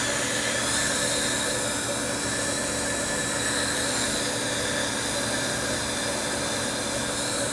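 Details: Professional tooth cleaning of a schoolchild in a Swiss school dental clinic, after plaque was found on several teeth: a steady loud hiss and whir of the cleaning handpiece with suction running throughout.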